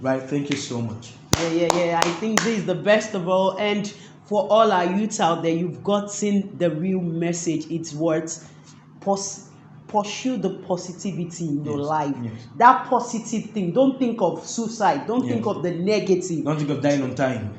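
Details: Adult male speaker; ordinary speech.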